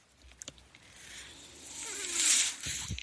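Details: Speaker's own mechanical ventilator heard during a podcast recording: a rising hiss of airflow builds and cuts off, with a few soft clicks around it, the ventilator's breath cycle.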